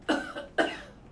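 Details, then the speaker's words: A simulated cough from the human patient simulator robot "Puff Daddy," used to show how far respiratory germs spread through the air. "his job is to simulate coughs so that everyone from healthcare workers to the general public can see how much our germs spread through the air when we"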